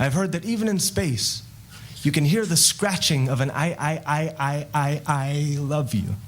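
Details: Woman who developed a stutter after her parents' divorce and practiced extensively to overcome it, performing a stutter in a spoken-word poem (possibly deliberate); stuttering (whole-word repetitions).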